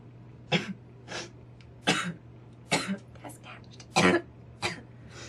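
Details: Girl coughing while smoking tobacco: five or six harsh coughs and throat clears, spaced irregularly, over a steady low electrical hum.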